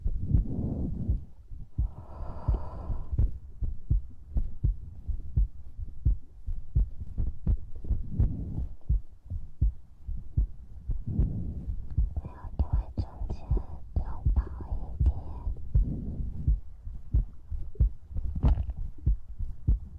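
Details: ASMR recording with breathing, mouth sounds and heartbeat: soft, steady low thumps at about 85 a minute with faint breathing and mouth noises over them; heartbeat.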